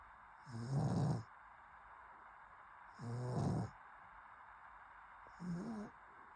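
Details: Three loud, rattling snores from a sleeping pug, spaced a few seconds apart, with steady room hiss in between; ordinary snoring.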